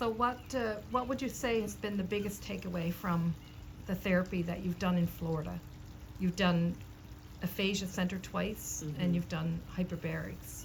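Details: Adult speaker; normal fluent speech.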